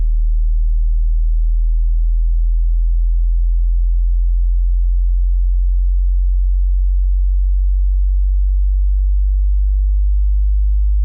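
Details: Hearing test tone: a steady, very low-pitched pure tone, a hum near the bottom of the hearing range, from a headphone hearing test.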